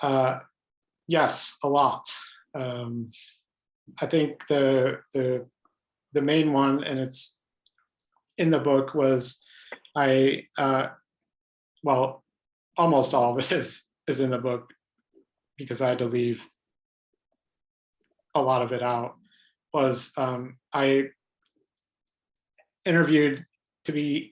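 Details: Adult man who has stuttered all his life, pattern mostly blocks, with highly variable stuttering; stuttering.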